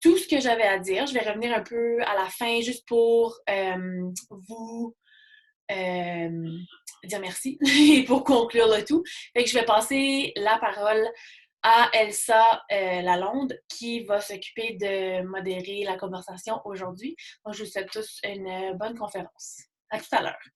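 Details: Adult French-speaking man who stutters, mild to moderate depending on circumstances and the day, with repetitions and blocks; stuttering.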